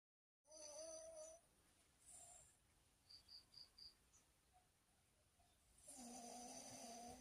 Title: Snoring Dog 💤 #dog #dog#subscribe #fypシ ##follow #followforfollowback